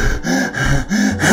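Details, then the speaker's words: Quick, jerky, gasping breaths, about four in just over a second: a demonstration imitating the hyperventilation of a panic attack. "lorsque vous fait des crises d'angoissé vous êtes en hyperventilation votre respiration et sagan et comme ceci"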